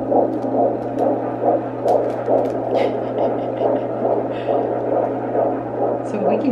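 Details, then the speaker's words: Fetal heartbeat on Doppler at a 17-week pregnancy doctor appointment: rapid, regular whooshing beats about 140 a minute, described as sounding good; normal fetal heart rate. "the baby's heartbeat it's about 140 or before sounds good"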